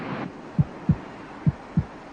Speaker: the fetus's heart beats about twice as fast as her mother's monitoring the baby's heartbeat gives a good indication of her General condition